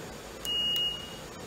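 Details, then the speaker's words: Dräger Apollo anesthesia machine, being prepared for possible use as an ICU ventilator during the Covid-19 pandemic, powering up: single short, high-pitched electronic beep over faint room noise before optional self-check. "takes a few seconds to actually power up and then you could opt to run a self-check test on that"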